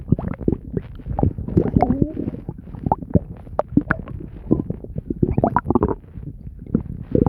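Continuous gurgling, bubbling and rumbling stomach noises throughout; ordinary active bowel sounds.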